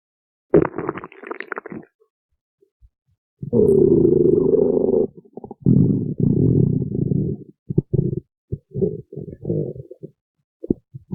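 Loud, irregular gurgling and rumbling bursts from the belly: stomach growling, ordinary bowel sounds.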